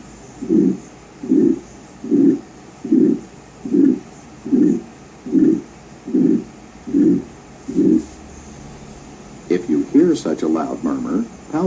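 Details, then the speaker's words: Regular heartbeat about 74 per minute, each beat carrying a loud, harsh, whooshing midsystolic murmur, followed by brief speech; midsystolic murmur of aortic stenosis. "systolic murmurs can occur in healthy people or in those with heart disease for example a loud midsystolic murmur may be heard in aortic stenosis"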